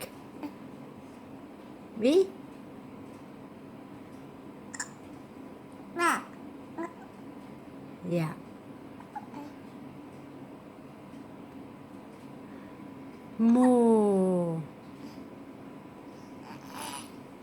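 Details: Infant with hiccups: a few brief, sharp, squeaky catches a few seconds apart in a quiet room, plus a longer soft baby vocalization.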